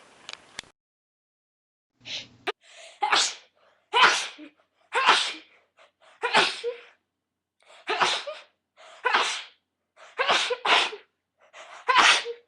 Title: Rapid Sneezing fit Compilation